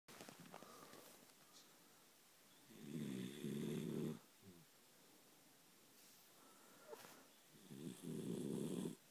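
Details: Loud, low rumbling snores recurring every few seconds from a sleeping dachshund dog, with quiet breathing between; ordinary snoring.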